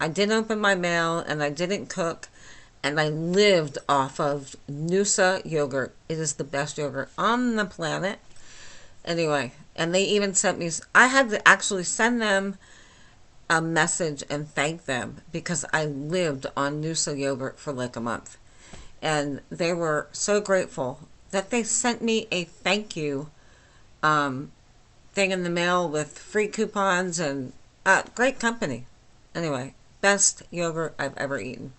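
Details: Adult woman with myasthenia gravis since age 8 causing lifelong talking and swallowing problems, speaking without her usual speech appliance; she has a feeling she can be understood, but not perfectly; flaccid dysarthria.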